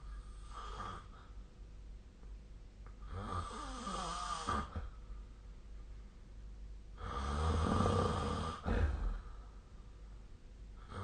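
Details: Snoring during sleep on 2025/02/14.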